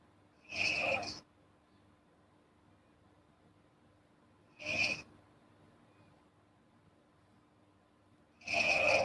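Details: Light snoring from a girl: short, thin, hissing snorts at irregular intervals over a quiet room hum.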